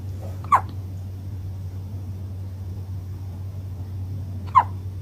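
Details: Two sharp, brief hiccup sounds about four seconds apart over a quiet room hum, from a pet cat with hiccups.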